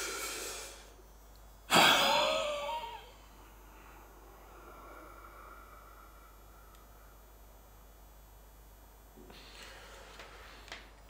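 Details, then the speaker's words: Forced breath through an ndd Easy on-PC ultrasonic spirometer during the third trial, with the incentive display switched off: a sharp, forceful rush of breath into the mouthpiece, then quiet. "so I'll switch the incentive off now I'm going to do a third one so had trial so might deep breath in again"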